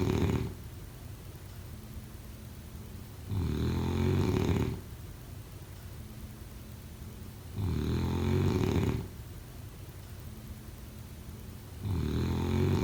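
Three loud, low rattling snores on breathing in, roughly every four seconds (about 14 breaths a minute), with quiet exhalations between. Regular snoring during sleep.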